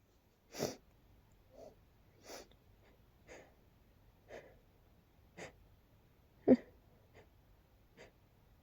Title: Sneezing fit into hiccups attack